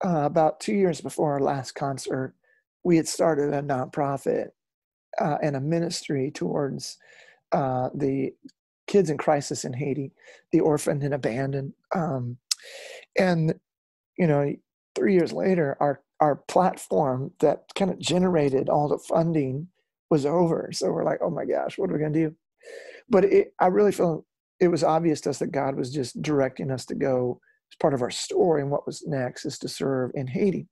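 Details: Adult male former rock lead singer whose spasmodic dysphonia began at his career peak, first taken for hoarseness; incurable, doctors could not fix it, ended his singing, still audible today; spasmodic dysphonia.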